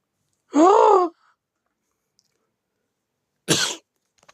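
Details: Cough heard while a character voice line is being recorded.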